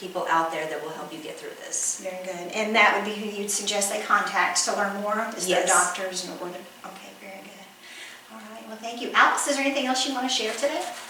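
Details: Adult female interviewer; no disorder (normal speech).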